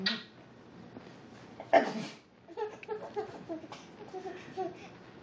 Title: Fake sneezes are funny!